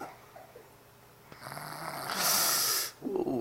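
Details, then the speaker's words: A 5-year-old child snoring with mouth open: one harsh, noisy snore on breathing in, rising to a hissing rasp, followed by the start of another; child snoring. "that nose gotta hurt. Oh, shit. That's a 5-year-old snoring, too."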